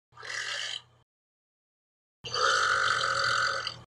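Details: Burping sound effect: two loud, rough belches, a short one then a longer drawn-out one, with a brief silence between.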